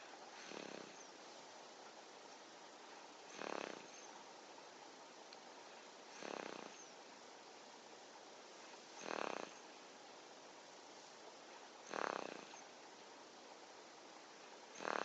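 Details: Six-month-old baby boy snoring: regular soft snoring noises with each breath, about 20 breaths a minute, over a steady background hiss; quiet recording.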